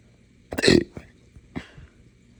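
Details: Adult with hiccups mixed with burps after drinking morning coffee too fast on an empty stomach; one abrupt throaty burp-like hiccup, then a softer second hiccup.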